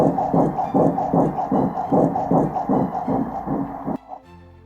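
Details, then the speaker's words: Early embryonic heartbeat on spectral colour Doppler in first-trimester pelvic ultrasound: rapid, regular whooshing pulses, normal. "Sin embargo, es válido escuchar por modo Doppler color espectral unos segundos para el deleite de la mamá. Como en este ejemplo, vamos a escuchar el latido."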